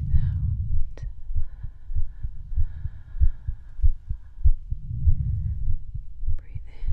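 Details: Regular low thumps at about 98 beats a minute through a stethoscope, with soft breathing and faint background hum, in an ASMR medical roleplay; a normal heartbeat.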